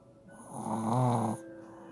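A single rough, buzzing snore on a breath in from a sleeping puppy.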